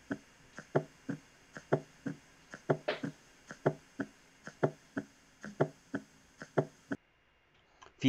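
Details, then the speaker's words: Teaching recording of an S4 (atrial) gallop: slow regular rhythm near 60 a minute with a soft extra sound just before each S1. "mientras que el s 4 va a sonar entonces junto justo antes del s 1 tal cual como este"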